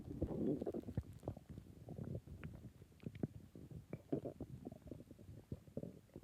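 Quiet, continuous gurgling and bubbling with brief squeaks; ordinary stomach growling, normal gut sounds.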